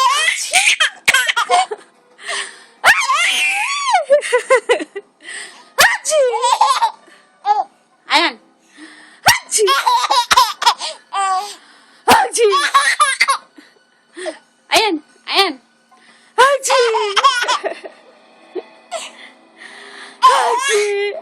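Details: Infant laughing when his mother sneezes: brief, sharp adult sneezes, each followed by bursts of high-pitched infant laughter and giggling.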